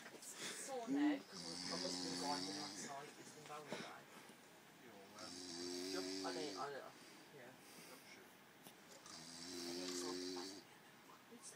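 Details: Two men snoring after drinking wine, others laughing: three long, rough, buzzing snores on the in-breath, spaced by quieter pauses, about 16 a minute; faint room noise.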